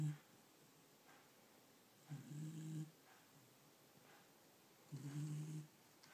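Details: Pet snoring like a human: soft, low, buzzing snores on the in-breath, about one every three seconds, in a quiet room; gentle snoring.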